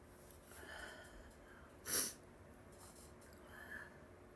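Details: Woman sneezing from allergies, with spray and a runny nose: one sharp, hissing sneeze burst in a quiet room with faint breathing before and after; allergic sneezing.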